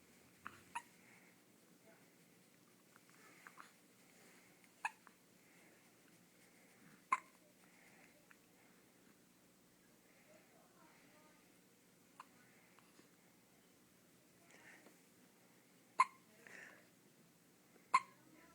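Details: Ten-day-old baby with hiccups: sharp, abrupt hiccup sounds repeating at irregular intervals, roughly 30 a minute, in a quiet room.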